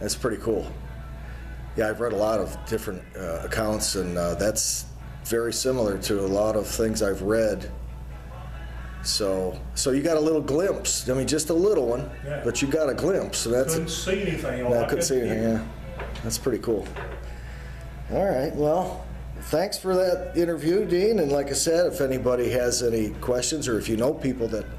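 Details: Adult male speaker; no speech disorder.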